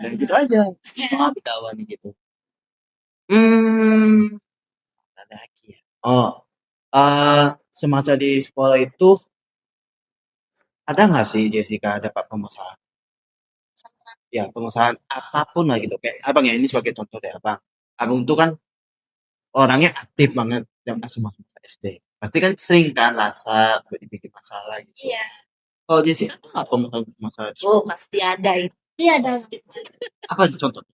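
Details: Deaf child who uses a cochlear implant, speaking; speech of a deaf cochlear implant user.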